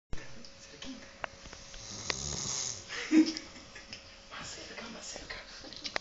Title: jateando con ronquidos